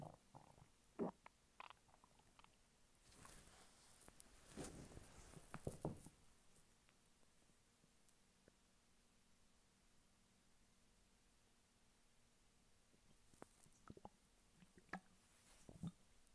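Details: Male lying flat on his bed while hungry: bursts of gurgling and bubbling from the belly in a quiet room. Borborygmi, ordinary hunger stomach rumbling.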